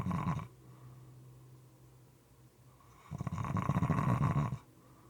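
Two low, rattling snores with quiet breathing between them, uneven in length. Moist, irregular snoring.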